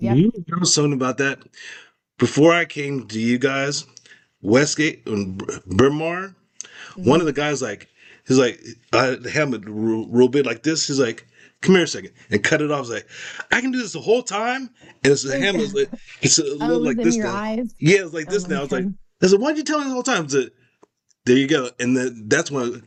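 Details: Man with aphasia and expressive language difficulty after a significant stroke in 2022; part of his skull was removed and later replaced, and he wore a helmet. Finding: aphasia.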